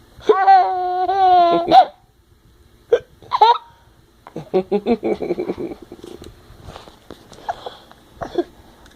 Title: Me and my son hiccups battle